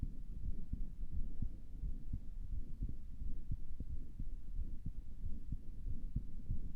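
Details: Person listening to own heart with a stethoscope, thought it sounded weird and wondered about a murmur; faint regular low thumps about 90 per minute under steady hum, no clear murmur; heart sounds.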